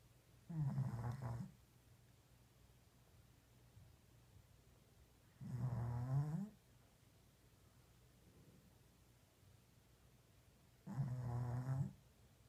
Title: Small dog snore louder than me